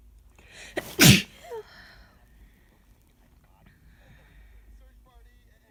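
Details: A short in-breath, then one loud, explosive natural sneeze with a brief vocal tail and faint room noise; adult with an end-of-summer common cold.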